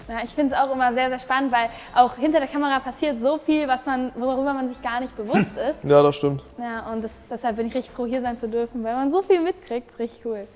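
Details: Adult woman speaking German; normal speech.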